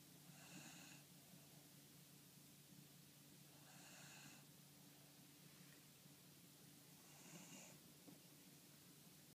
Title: Older... and I still snore